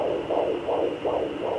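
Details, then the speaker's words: Fetal heartbeat of a baby girl during pregnancy, found with a 3 MHz home fetal Doppler after moving the probe: rapid, regular, strong whooshing pulses about 155 beats a minute, with static noise. "strong heartbeat you guys will see in the top right corner when the heart is lighting up that means that you found the heartbeat"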